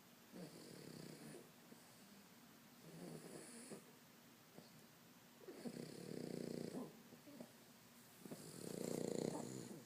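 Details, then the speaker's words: Pug snoring very loudly: rattling snores with each breath, about six breaths per minute, some with a whistling edge. "What are you doing, buddy? What are you doing? You're snoring."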